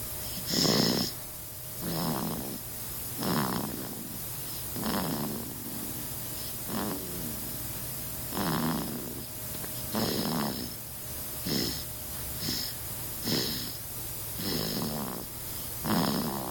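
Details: Sleeping baby snoring: rhythmic, noisy snoring breaths, roughly 40 a minute, each with a rough rattling quality; snoring.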